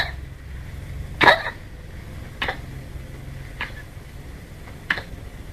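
A small dog gives four short, dry, hacking coughs over a few seconds, typical of kennel cough.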